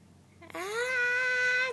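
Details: Baby vocalizing while amused by an adult's fake sneezing; a single sustained, steady-pitched vocal wail after a brief onset, like a cry or fussing sound.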